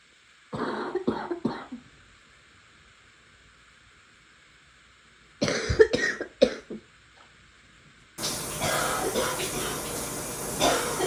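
Two bursts of repeated coughing, about three coughs each, separated by quiet, followed by steady room noise.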